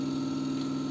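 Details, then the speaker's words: ATMOS Record 55 medical suction pump switched on after its filter was replaced, vacuum reading near 200: steady low motor hum with a slight pulsing throb, running normally. "yeah here you can see the release reading was near to 200 so which means now the filter is good"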